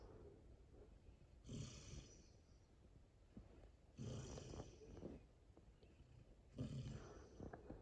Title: Black Lab Snoring 2022